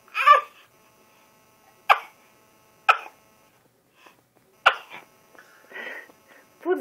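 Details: Small child sneezing continuously: run of about five small, sharp sneezes in quick succession; followed by "bless you."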